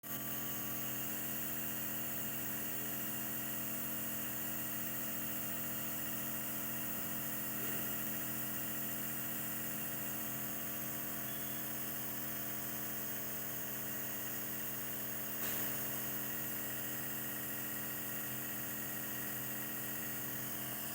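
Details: Nebulizer compressor running during nebulization for a baby with cough and cold: steady mechanical hum and whine, with no breathing or crying clearly heard.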